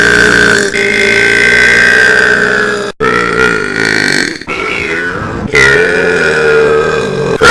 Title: burps for a minute [EARRAPED]